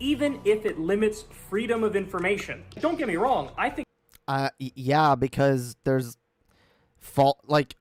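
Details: Adult speaker; normal speech.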